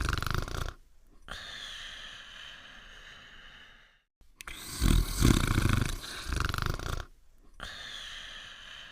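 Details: Simulated cartoon sound effect of a sleeping dog snoring: deep rumbling snores alternating with whistling out-breaths.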